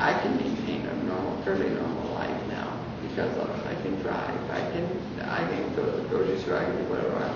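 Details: Person with Parkinson's disease who has an implanted deep brain stimulator for tremor that medication did not control, and who says the stimulator affects their speech; speech change after deep brain stimulation in Parkinson's disease.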